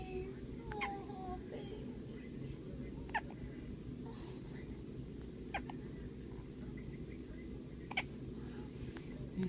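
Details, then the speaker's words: A tiny kitten weighing 5 pounds 15 ounces gives brief, squeaky hiccups at a steady rhythm over a low room hum. "And I'm so cute with the hiccups."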